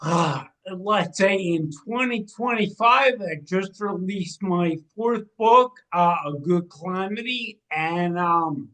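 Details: 45-year-old man with cerebral atrophy and ataxia, a degenerative brain disease diagnosed in 2013 or 2014 affecting movement, balance and speech; speech changes began around 2020 as the disease progressed; ataxic dysarthria.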